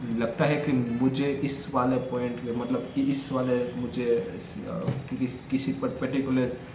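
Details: Adult man who stammers, on Day 4 of his daily speech practice, speaking Hindi in a section where he reports noticing more stuttering: stammering.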